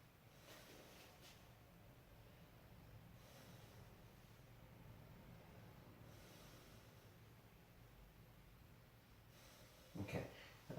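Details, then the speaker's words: Slow, soft breath sounds through a stethoscope over the posterior chest of a man taking deep breaths in and out, clear with no wheeze, rhonchi or crackles; normal vesicular breath sounds. "so I listened to his chest um anteriorly posteriorly and laterally and they were clear throughout"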